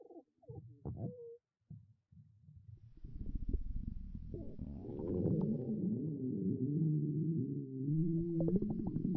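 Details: Girl's stomach growling (borborygmi) listened to closely: low gurgles building into a long, rolling, wavering growl with squeaky bubbling.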